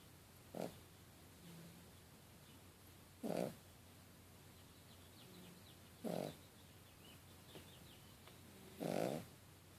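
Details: Snoring from a sleeping cat with a beagle also snoring in the background: four regular snores, about 21 breaths a minute, with quiet pauses between them.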